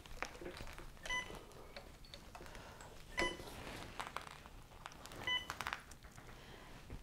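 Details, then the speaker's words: Alaris infusion pump being programmed for a secondary IV piggyback infusion (cefazolin 2 g): short, high electronic keypad beeps amid room noise and handling sounds as the pump is paused and channel select is pressed. "is pause and I'm gonna push channel select and down at the bottom I have a little menu across the bottom I'm going to press secondary"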